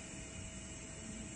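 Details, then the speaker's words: Steady low roaring hiss of a suction unit running on a Panda infant warmer, tubing occluded by thumb to check suction pressure set between 80 and 100 during equipment setup demonstration. "suction and when you let go comes out if there's really thick secretions of course you can turn the suction up a little bit but always check cuz when the warmer gets cleaned it might be all the way up there"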